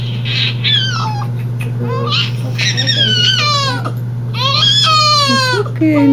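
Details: Repeated high wailing cries from an infant over a steady low hum in a small room during a hearing test measuring brain waves to played sounds; ordinary distressed infant crying.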